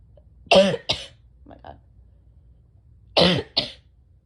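Two pairs of short, harsh coughs with a throat-clearing quality, four bursts in all, in someone with bronchitis.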